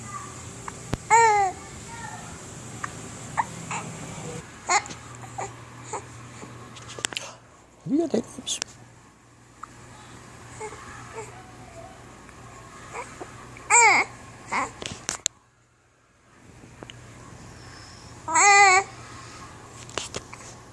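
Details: Infant with hiccups: sharp, brief vocal catches every few seconds between soft baby sounds, over a steady room hum.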